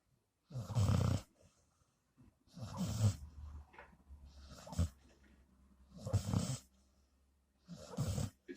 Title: Snores like an old man.